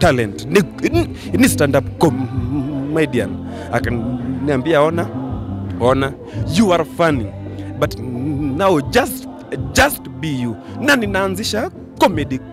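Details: Stuttering in an adult man, a comedian, whose stammering began in class 2 at school.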